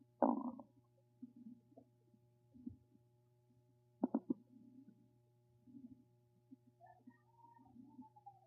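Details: Ordinary stomach rumbling (borborygmi): gurgling, bubbling rumbles with a few sharper pops and a squeaky rising note over a steady hum.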